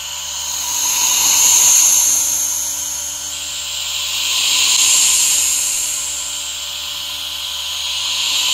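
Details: Nebulizer running together with a humidifier: steady hissing mist that swells and fades about 18 times a minute, recorded as relaxation ASMR.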